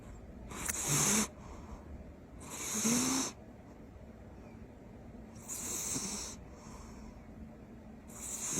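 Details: Sleeping cat snoring loudly: rough snoring bursts about every two to three seconds with quiet pauses between.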